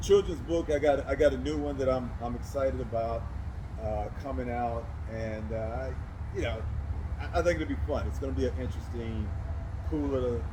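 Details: Adult man who does public speaking and says he stutters; stuttering.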